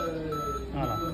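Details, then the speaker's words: Siemens Servo 300 ventilator in CPAP/pressure-support mode, test where the patient stops breathing: after a set wait, a steady electronic apnea alarm sounds, which stops once breathing resumes. "जर पेशंट श्वास घेतला नाही की मगच आपण अलार्म येतो आता बघा इथे येतो बघा अलार्म"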